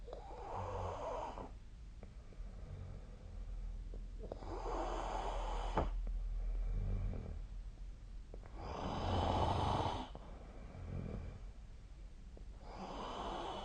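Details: Person snoring in sleep, with the SnoreLab snoring app linked: rhythmic, rough snoring on each breath in, about 14 breaths a minute, with steady room hiss in the background.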